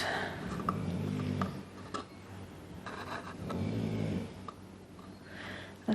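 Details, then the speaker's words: Loud snoring from sleeping dogs after they had been out playing. "gee that dog's storing late isn't it I said before they've been out playing and oh I have such loud snorers"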